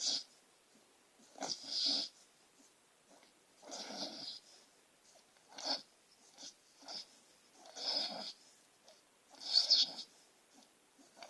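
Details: Female Beagle mix asleep, talking and twitching, with irregular hissing, snuffly breaths and a few brief snorts: light snoring.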